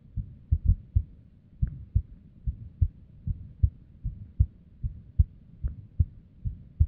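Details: Female resting heartbeat described as unstable and abnormal: low heart thumps near 75 a minute with uneven spacing, some beats early or paired, an irregular rhythm with extra beats.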